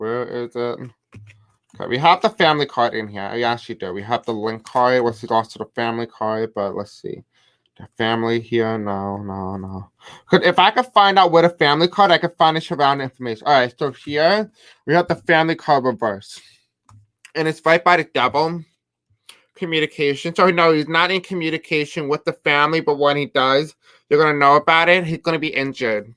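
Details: Adult man with deaf speech, a self-described deaf accent, who says he may have a hard time pronouncing certain words; unscripted live-stream speech; deaf speech.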